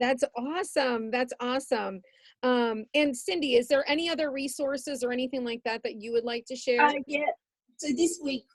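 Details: Adult woman speaking, possibly a second speaker replying; typical speech.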